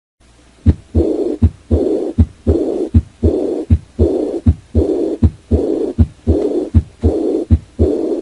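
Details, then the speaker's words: Aortic regurgitation: a diastolic decrescendo murmur at the lower left sternal border, a long blowing murmur fading after the second sound, with a regular heartbeat near 80 per minute. "so the first murmur diastolic decrescendo murmur that's aortic regurgitation"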